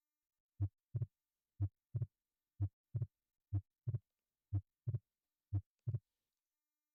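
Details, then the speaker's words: Teaching example of fixed splitting of the second heart sound: regular heartbeat at about 60 per minute, each S2 split into two taps that stay unchanged from beat to beat. "And so now I'll play you a quick example of fixed splitting of the second heart sound."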